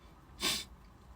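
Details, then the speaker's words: Person with hay fever sneezing, possibly from tissue dust after cleaning the nose: one sharp, hissing burst of air; a single sneeze. "I haven't sneezed more than twice in a row in ages. If my hay fever starts to hit now, I'm going to kill myself."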